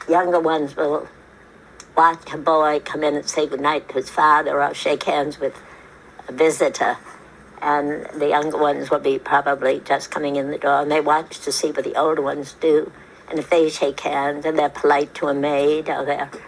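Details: Elderly woman in her 80s, without a formal diagnosis; a speech therapist suspects a voice tremor, possibly essential voice tremor or age-related, more likely than spasmodic dysphonia, seemingly isolated to the voice with her body calm. Finding: voice tremor.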